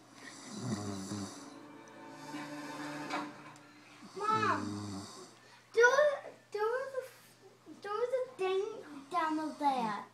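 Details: Person snoring: low, buzzing rattles on a couple of breaths, with voices and music in the background. Snoring.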